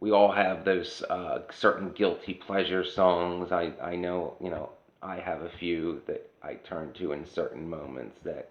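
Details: Adult woman whose voice changed after laryngitis in 2009, unable to sing for over a decade since; low-pitched, rough voice; dysphonia.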